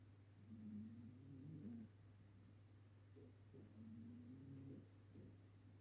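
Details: Ginger cat snoring on a sofa, loud enough to hear across the room: soft, low, buzzing snores repeating with each breath over steady room hum.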